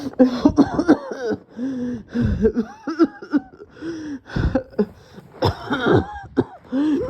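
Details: Repeated harsh coughs in rapid clusters with throat clearing and strained breaths between; sustained coughing fit leaving the person dizzy, feeling close to passing out.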